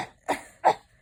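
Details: Acted, forceful voluntary cough by an adult man in a simulated nursing-class scenario, just before inhaler teaching (220 micrograms, 2 puffs).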